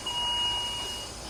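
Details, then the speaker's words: Mechanical ventilator alarm in a tracheostomized adult patient, just switched to spontaneous mode with pressure support 10 over 5 after suctioning and cuff deflation with an in-line speaking valve; alarms because no expiratory flow is detected. "the vents alarming because it doesn't like that there's no expiratory flow"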